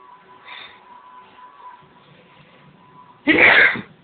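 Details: A single loud, sharp sneeze near the end, in a quiet room with a faint background hum.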